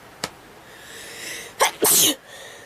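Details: A faint catch, then a sharp burst and a longer explosive sneeze; a short run of sneezes in a quiet room, described as a sneezing attack.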